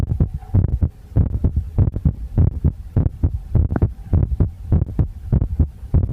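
Regular low thumping heartbeat at about 100 beats a minute, with a steady hum and some noisy recording quality.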